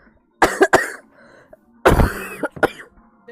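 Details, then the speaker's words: Two bursts of harsh coughing, about five coughs in all, from a young woman with a bad cold and a lost voice, with quiet room noise between. "감기가 아주 세게 걸려가지고 기침소리 많이 드리고요 양 부탁드립니다"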